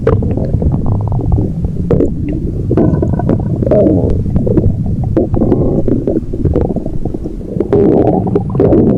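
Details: Continuous loud, low gurgling and rumbling with bubbling pops; stomach growling (borborygmi), ordinary bowel sounds.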